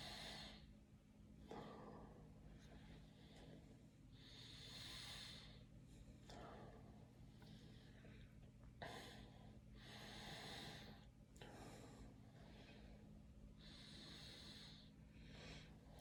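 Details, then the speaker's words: Chest exam, patient asked to take deep breaths while lungs are auscultated from apex toward lower lobes, both sides: repeated steady, unlaboured deep breaths in and out, normal deep breathing; vesicular breath sounds reported. "To your lung sounds, okay? So I'm going to start up here at the apical, and I'm going to end up finishing, and I'll go under your axillary into your lower lobe."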